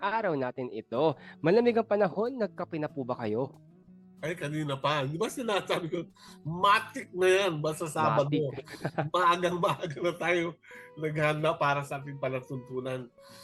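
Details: Adult male speaker; normal speech.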